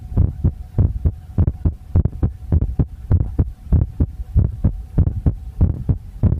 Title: visible heartbeat (sorry for bad sound 🙃)